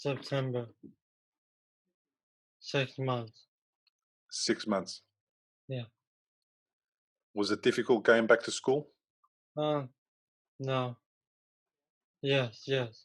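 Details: Male who had a stroke from a ruptured arteriovenous malformation at age 15 that left him in a coma; three years later, trouble getting words out rather than understanding: expressive (non-fluent) aphasia.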